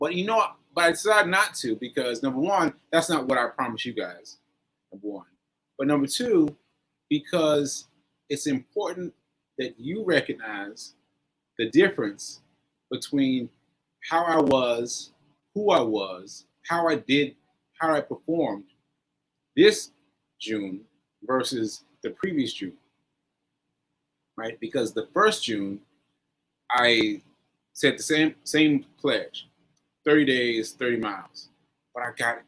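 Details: Aphasia in a man recovering from a stroke on 7/14/22, almost one year post-stroke; he reports that aphasia made working out numbers difficult and that everyday tasks are not yet normal for him.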